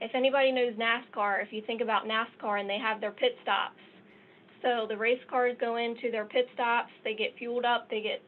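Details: Adult woman speaking; Normal speech.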